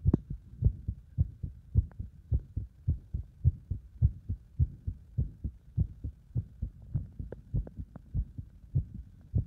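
Fast, regular low thumping heartbeat at about 100 a minute, quickened by exercise.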